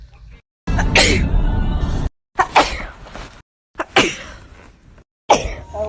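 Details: Compilation: several separate sharp, explosive sneezes one after another, each a sudden burst of air. Sneezing.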